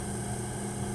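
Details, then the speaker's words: Steady mechanical hum and hiss of a nebulizer compressor during a breathing treatment, demonstrated in a training video. An adult woman with COPD breathes the medication through a mouthpiece, inhaling deeply and exhaling. "as you can see the mouthpiece is in her mouth and the medication comes out the other end that's what it's supposed to do coming from the nebulizer to the cannister to the mouthpiece to her lungs so that she feels better"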